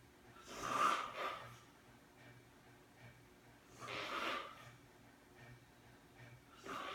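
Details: Friend asleep, snoring: slow, noisy breaths with a rough, fluttering snore about every three seconds.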